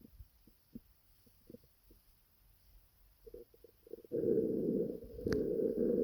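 Scattered low gurgles build into a loud, continuous rumbling, typical stomach noises from an upset stomach.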